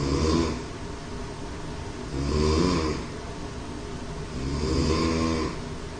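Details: Chris snoring heavily: loud rattling snores on each breath in, about three in six seconds, roughly 25 a minute, with quieter breathing out between them.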